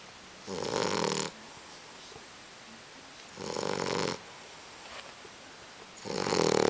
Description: Munson snoring loudly